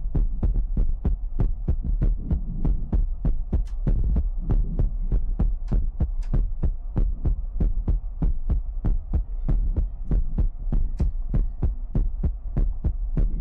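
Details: Steady low thumping at about 97 beats a minute under a constant low hum; heartbeat.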